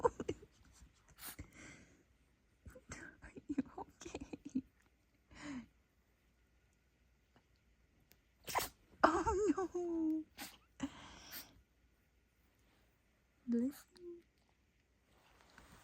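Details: A dog gives a run of sharp, explosive nasal sneezes with snorting between them; a sneezing fit later found to be caused by a dust particle in the nose, which was removed.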